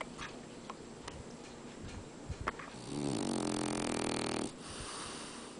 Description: My Frenchie, Cooter sawing it up!